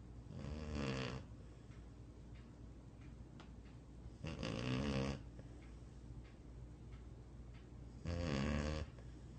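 Three rumbling, rattly snores about every four seconds, roughly 16 per minute, from a sleeping dog in a quiet room.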